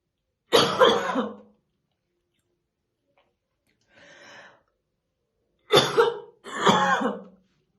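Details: Three heavy, deep, harsh cough bursts with a faint rustle between, from a woman brushing her hair in the morning; a smoker's morning cough, stated to be real and not acted.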